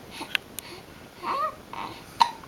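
Small sharp hiccup catches, with soft baby vocal sounds in between, in a quiet room; infant hiccups.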